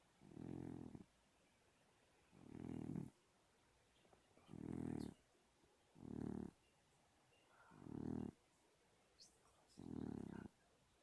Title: Till, the snoring cat